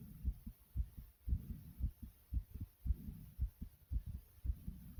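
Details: Regular low thudding heartbeats at about 110 a minute with audible breathing, recorded by the person themself, described as beating very quickly; a rapid heartbeat.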